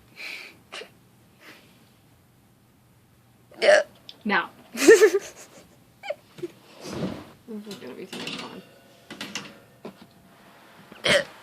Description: I was curious as to what my hiccups sounded like. My friend added her lovely commentary.